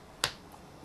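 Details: Deliberate self-cracking of a toe joint by pressing it down with the thumb: a single sharp crack, a harmless joint pop.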